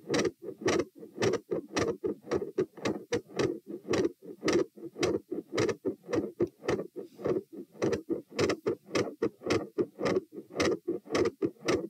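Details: Heart auscultation stress test at tricuspid area (T), rate 84-96-108-120-96 bpm through lying, sitting, standing, knee bends, standing, lying; starts quiet, ends very loud, with intensity and murmur changes, split S2 and extra sounds.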